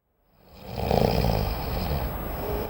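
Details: Snoring.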